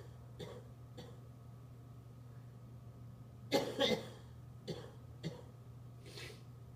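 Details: A homeless adult coughing: a scattered run of about six short coughs, the loudest a close pair midway.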